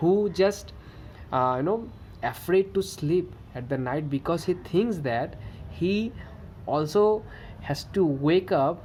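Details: Adult male who stammers, reporting good days and days of bad stammering, narrating a story; stuttering.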